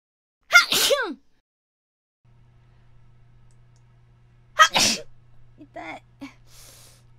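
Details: Two abrupt, explosive sneezes a few seconds apart followed by faint quiet sounds, recorded for a sneezing-sound event; sneezing.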